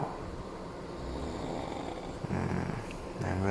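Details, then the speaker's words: Someone sleeping right below the recorder snores very loudly and keeps them awake: a loud, rough, low rattling snore on the in-breath, with a voice in the background. "this is so stupid just can't sleep someone snoring right down below me"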